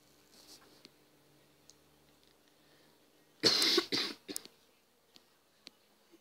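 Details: Several harsh coughs from a gamer who says he is sick, recorded during a laggy Minecraft Pocket Edition survival game, then quiet room noise with faint clicking.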